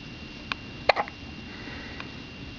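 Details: Newborn infant on the day of birth, who often had hiccups in the womb, hiccupping: a few soft, abrupt gulping clicks over steady background hiss.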